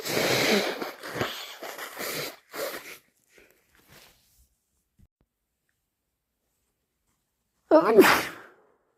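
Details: Person with a bad cold: a run of wet, forceful induced sneezes and snotty nose blows, then a pause and one more loud blast; congested sneezing.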